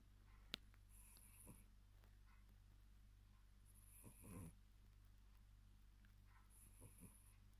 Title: Tired maine coon Markus Snoring